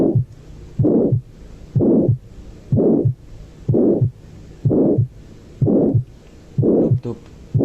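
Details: Systolic heart murmur, described as valvular insufficiency (a valve not closing well) in a teaching recording: regular heartbeat about 62 per minute with a loud whooshing noise filling each beat between the heart sounds.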